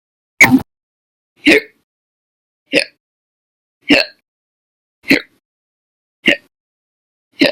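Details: Hiccups recorded 1–30 April 2020, audio only: sharp, abrupt gulping hiccups about once a second, seven in the stretch, with silence between; persistent, forceful hiccups.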